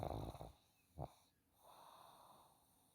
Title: snoring pug #pug #snoring #snoringdog #sleep #belgium